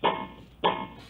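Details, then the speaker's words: Philips HeartStart OnSite AED CPR coaching on an adult patient during a demonstration: two short tonal beeps about 0.6 seconds apart, a metronome pacing compressions at 100–120 per minute, 30 compressions to two breaths. "And this is actually giving me that metronome, and it's going to go that 30 compressions to two breaths."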